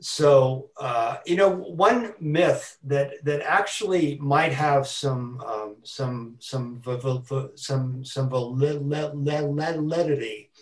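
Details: Man who stutters; stuttering.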